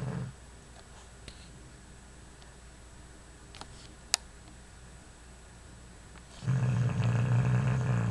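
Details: Sleeping bulldog: mostly quiet with faint clicks, then a deep, steady rumbling snore begins near the end.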